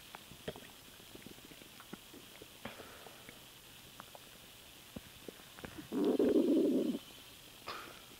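Scattered soft gurgles and clicks, then one loud low gurgling rumble about a second long: bowel sounds from swallowed air, a normal finding.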